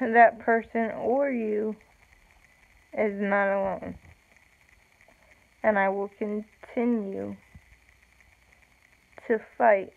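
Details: Woman with self-reported cerebral palsy, no specific speech disorder named; slow speech with long pauses; speech in cerebral palsy.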